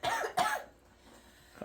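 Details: Two short, sharp bursts from a female husky dog in a quiet room, part of a fit of repeated non-stop sneezing: sneeze-like cough.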